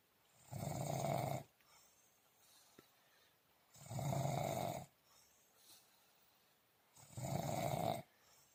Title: Deep sleep with snoring